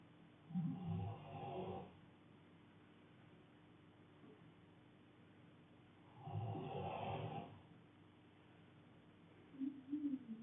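Two long, rough, rattling snores on breathing in, about five to six seconds apart, roughly eleven a minute, in a quiet room; ordinary snoring.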